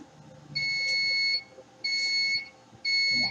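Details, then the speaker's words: Three sustained high-pitched electronic tones, each about a second, repeating: long-signal alarm from an apheresis machine during stem cell collection for HSCT in a patient with primary progressive multiple sclerosis. "Now it started with long signal. We need to confirm something."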